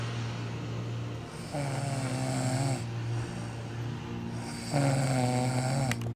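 Low rumbling, droning breaths about three seconds apart over a steady background hum, consistent with snoring.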